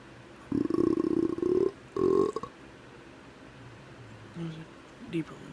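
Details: Voluntary burping on command: two long, loud belches, then a couple of faint ones, in a quiet room.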